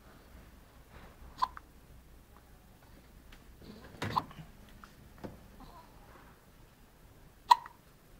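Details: Day-old baby girl with hiccups: sharp, brief hiccups, about four over eight seconds at irregular intervals, in a quiet room.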